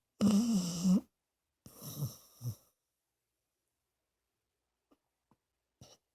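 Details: Two loud snores, a drawn-out fluttering snore then a rougher snort, then quiet; Rue snoring while down for the count.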